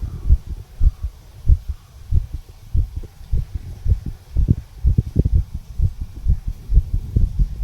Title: Heartbeat Recording of 34 Year Old Male. Tricuspid Valve Area, Visible HeartBeat.